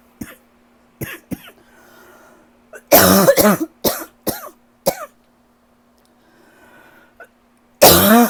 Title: #12 - I can NOT shake this cough